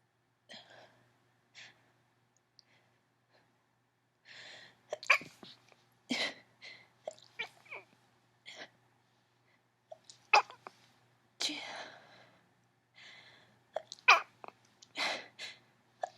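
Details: Female with an allergy sneezing fit: repeated sneezes, mostly stifled with a few too powerful to hold in, broken up by lots of sniffling.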